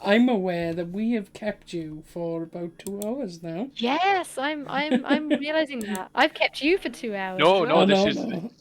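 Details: Adult woman speaking; Normal voice.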